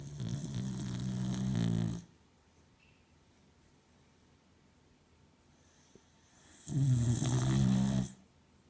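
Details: Female dog (Coco) lying on her back asleep, snoring: two loud, deep, rattling snores separated by a long quiet pause.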